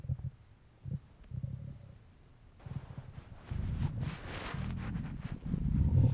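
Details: Low gurgling, rumbling bursts from a hungry male stomach, with some outdoor wind noise; stomach rumbling (borborygmi).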